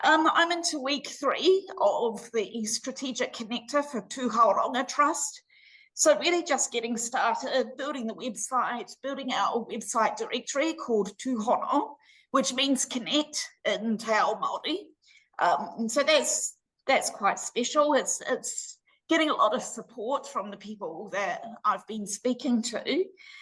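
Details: Adult woman with voice dystonia treated with Botox injections to the vocal cords every six months, now due for her next shot; laryngeal dystonia (spasmodic dysphonia).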